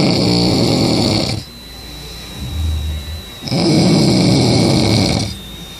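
Very loud, harsh snores, each lasting over a second, with quieter breathing between them.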